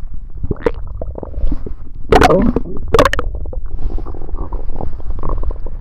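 Loud, continuous rumbling and bubbling gurgles from the belly with a few stronger surges: active bowel sounds during a stomach ache.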